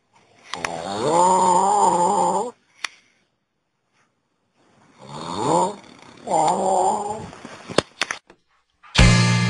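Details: Man snoring: two long, droning, musical breath sounds with a quiet pause between them, then a loud burst at the end.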